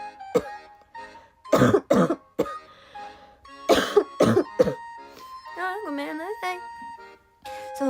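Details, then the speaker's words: Young woman apologizing that her coughing won't stop: repeated bursts of coughing and throat clearing with music in the background. "本当に咳止まんない。ごめんなさい。"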